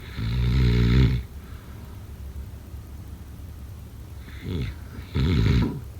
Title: #snoring #sleepnoises #sleepsounds #snoringasmr #snoringsounds #snoringsleepingsoundeffect